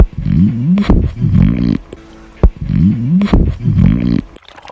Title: Ruidos peristalticos (A la auscultación abdominal)